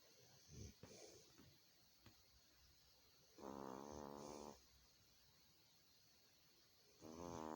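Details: Snoring from Trixie: buzzing, vibrating snores about a second long, a few seconds apart, with small snuffles and clicks between them.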